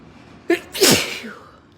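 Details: Ragweed allergy sneeze from someone stuffy since waking, with watering eyes after sneezing a lot the day before: a quick catching breath, then one explosive, hissing sneeze that fades away.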